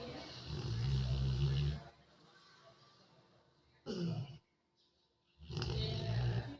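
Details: Dog (female) sleeping, snoring continuously: deep, rumbling snores in repeated bursts separated by quiet pauses; snoring.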